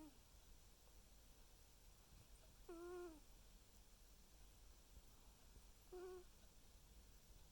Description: Just thought you might like to watch my cat sleep and listen to him snoring.